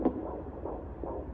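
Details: Rapid, regular whooshing pulses over a low hum, roughly 160 a minute: a normal fetal heartbeat picked up by Doppler at a 16-week midwife appointment.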